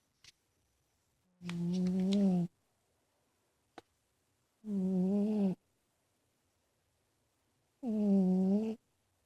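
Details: Loud, droning, tonal snores from a big male cat sleeping in his bedroom, each about one second long, in a quiet room; snoring.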